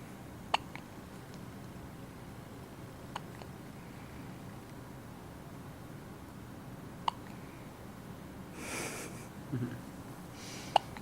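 Quiet room with a few sharp, brief catches spaced several seconds apart, typical of hiccups, plus a short breathy exhale.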